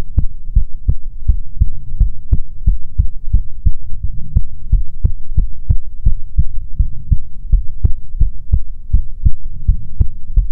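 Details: Steady, regular low thumps, about 100 a minute, over a soft hum, in an ASMR heartbeat recording meant to be soothing; normal heartbeat.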